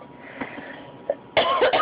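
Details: Child with croup gives a harsh, barking cough after a quiet moment.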